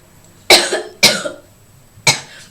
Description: cough all day long